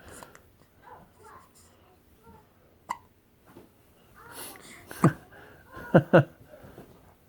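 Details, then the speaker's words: Little one with hiccups, recently fed: abrupt, loud, repeated hiccup bursts with soft voice sounds nearby; hiccups. "honey you got the hiccups going"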